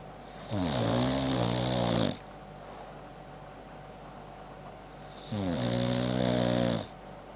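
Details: Sleeping boxer dog with heavy jowls: two long, rough, rattling snores about four seconds apart, each over a second, with jaw clicking mentioned; snoring.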